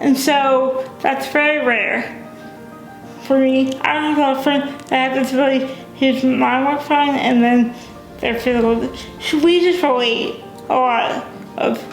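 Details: Dysarthria in a young adult woman with cerebral palsy, a brain injury before birth; she uses a wheelchair, has limited fine motor skills and says she is sometimes hard to understand.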